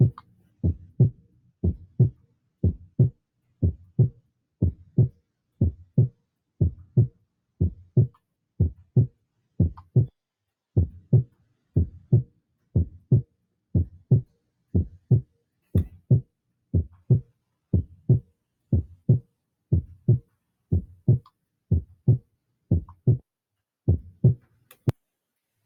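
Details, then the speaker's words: Third heart sound (S3), an extra sound heard at the start of diastole just after S2, coinciding with rapid ventricular filling; teaching example. "está el tercer ruido mire al inicio del s2 Qué es el s2 el cierre de las válvulas atico pulmonares el inicio de la di al"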